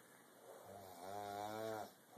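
A single low, voiced, droning snore on one breath, with faint room noise; ordinary snoring.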